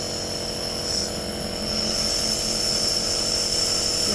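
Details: Omron NE-C28 compressor nebulizer running during a test to show its mist output before use; steady, loud mechanical buzzing hum.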